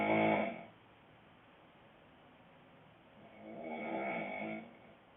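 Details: Adult man (boyfriend) snoring loudly: two loud, rough, rattling snores on the in-breath, separated by a quiet pause; ordinary heavy snoring.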